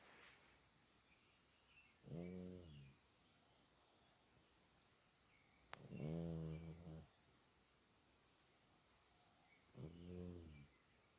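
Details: Cat snoring: three rough, buzzing snores about four seconds apart, roughly 15 a minute, with quiet pauses between; ordinary snoring.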